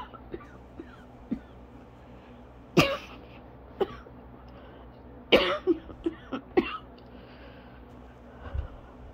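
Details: Asthma coughing fit lasting about 30 minutes and still ongoing, leaving the person lightheaded, dizzy and struggling to take normal breaths: irregular dry coughs and throat-clearing bursts, several in close runs, against quiet room noise.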